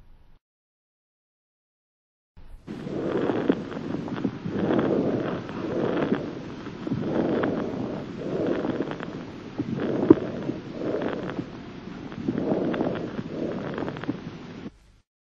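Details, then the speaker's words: Stethoscope artifact: particularly fine crackling rustle over breath sounds throughout both inspiration and expiration, from chest hair rubbing the stethoscope rim; mimics fine crackles but present in expiration too. "il s'agit ici de crépy tation occasionnés par le frottement des poils sur le bord du stéthoscope et qui sont particulièrement fine"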